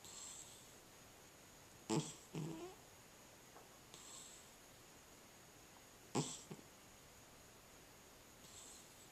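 A sleeping cat gives short snorting snores with soft airy exhales, about 14 breaths a minute.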